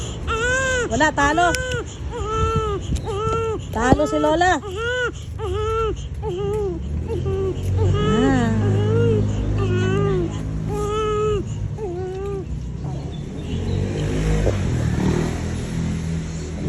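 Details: Infant cries in repeated rising-falling wails fading into whimpers, with road or vehicle hum behind; baby had just fed; ordinary infant crying.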